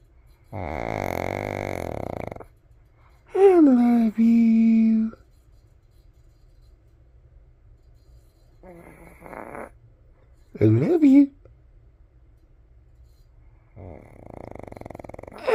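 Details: Snoring-like noises from an awake dog, Biscuit, who sometimes snores while awake: short bursts of throaty snorting and grunting separated by quiet gaps.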